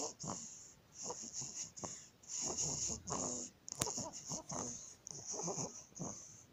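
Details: 19-day-old baby with laryngomalacia: high, harsh, squeaky noise on each breath in, repeating with the breathing; inspiratory stridor.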